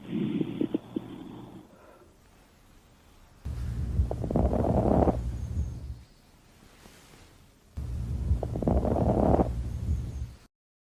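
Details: Stethoscope lung auscultation: two loud, harsh, rumbling breath cycles with coarse low noise and a few clicks, separated by quiet pauses; abnormal lung sounds.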